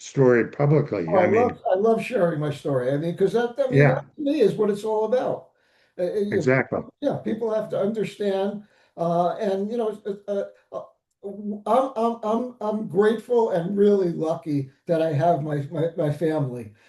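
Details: Adult man, stroke survivor; aphasia.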